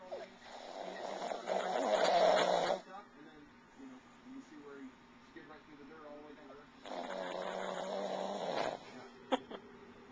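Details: Sleeping dog snoring, recorded with a Flip Video camcorder: two long, rough snoring breaths with quieter breathing between them.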